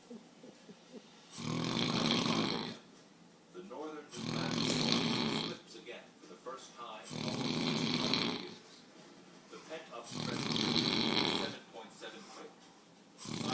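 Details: Adult man snoring: loud, regular rattling snores on each breath in, about 20 a minute, with quieter breathing between them; snoring.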